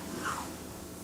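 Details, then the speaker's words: Needle EMG of an arm muscle at rest, recorded during a nerve conduction and EMG exam: steady low hiss with no crackling or popping, meaning the muscle is electrically silent. "So this is at rest. Should be pretty silent."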